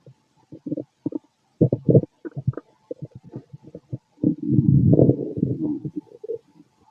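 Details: Stethoscope auscultation of a fit adult male's abdomen: irregular gurgling and rumbling, with a longer run of growling near the end; ordinary bowel sounds, stomach growling.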